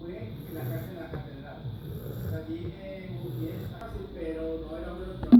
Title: Roncando